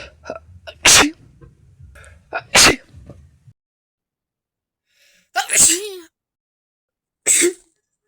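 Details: Mix of random sneezes and induced stifled sneezes: four sharp sneezes with quick breaths before them, some partly held in.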